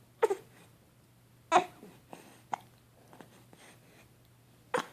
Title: the Hiccups